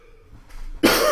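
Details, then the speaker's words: Single loud, harsh cough burst after quiet breathing from an adult whose voice is still recovering after an illness; talking for long periods brings on coughing fits and voice loss; cough. "when I talk a lot for a long time I get coughing fits and the voice goes away"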